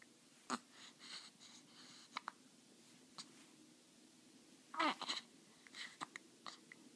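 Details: Baby hiccups.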